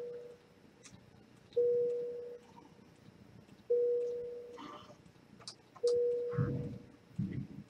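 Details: Patient monitor alarm in a simulation where a standardized patient or SimMan3G's vitals display on a real monitor: three steady beeps about every two seconds as oxygen saturation falls during breathing difficulty treated with an inhaler.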